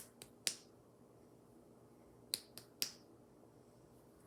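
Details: Head-to-toe nursing assessment of a female patient, percussion over the upper abdomen: three quick, hollow-sounding finger taps in a quiet room, then a brief voice, a normal tympanic note.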